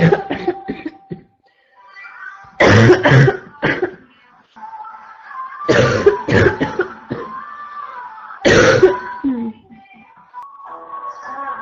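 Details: A female with a constant barking cough gives three clusters of harsh, loud coughs in paired bursts over faint background music: barking cough.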